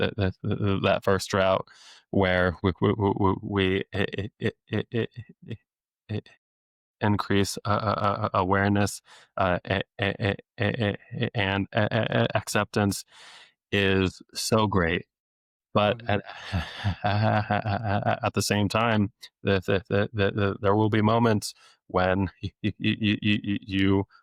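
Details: Adult male speech-language pathologist who has stuttered since age eight, with therapy off and on into his early twenties, deliberately lets his stutter show; stuttering with sound, word and phrase repetitions.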